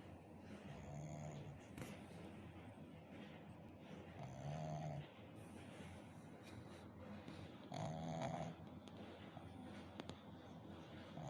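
Soft, low rattling snores recur every few seconds over steady room noise, about three in eleven seconds: ordinary snoring in a sleeping puppy.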